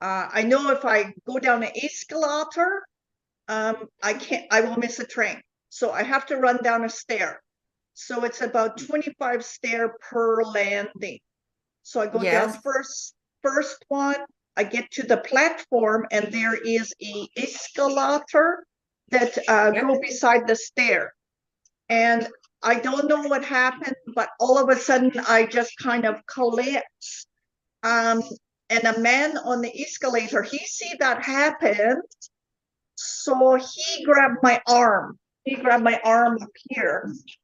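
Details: Adult woman with foreign accent syndrome since July 2010, onset after an event that year; her accent shifts between varieties; she also has memory, number and comprehension deficits; foreign accent syndrome.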